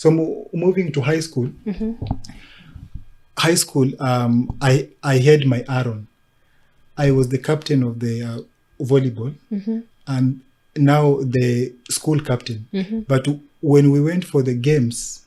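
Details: Adult man who stammers since childhood and was mimicked at school for it, now a disability advocate who links stammering with mental health challenges; stuttering.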